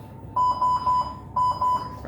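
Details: Repeated high electronic beeps in short bursts from a ventilator during an Indonesian tutorial on ventilator operation covering pressure limits, respiratory rate and trigger support; ventilator alarm beep.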